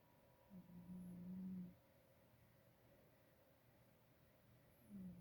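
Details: A sleeping female pet cat snoring softly.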